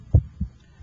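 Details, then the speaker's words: Stethoscope over the PMI (apex) during a cardiovascular examination, timed against the radial pulse: one heartbeat with a louder first sound and a softer second sound; normal S1 and S2. "I can hear your first heart sound and I can hear the second heart sound"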